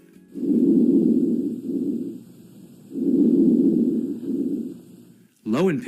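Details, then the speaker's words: Normal vesicular breath sounds over the thorax during a nursing health assessment, with the client breathing through the mouth: soft, breezy, long on inspiration and short on expiration. "depending on the area auscultated the normal breath sounds may be vesicular"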